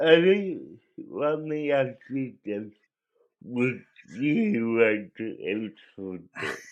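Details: Dysarthric speech in a man with cerebral palsy.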